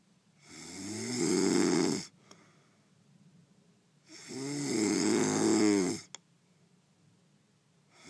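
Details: A sleeping man gives two long, rattling snores of about 1.5 seconds each, separated by a quiet exhalation with a soft click; slow, steady snoring.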